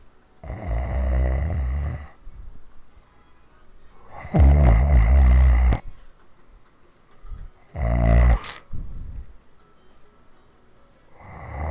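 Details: Snoring recorded in 2015: loud, deep, rattling snores on long inward breaths, several over about twelve seconds, separated by quiet pauses.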